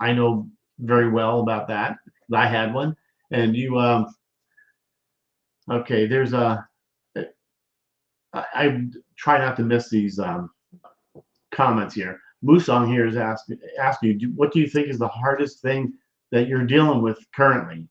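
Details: Man, 33 at a right-hemisphere hemorrhagic stroke with left-side paralysis; told since rehab his voice sounds robotic and lacks emotional expression, though he says he was never very animated; monotone speech (flat prosody, aprosodia).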